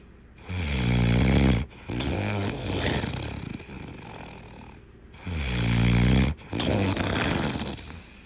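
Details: Loud, low rattling snores on two breaths, each followed by a noisy, rough out-breath; heavy snoring, tagged as linked to being overweight.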